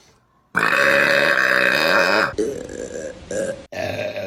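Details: Burping compilation: a long, loud, drawn-out voiced belch, then a few shorter belches in quick succession.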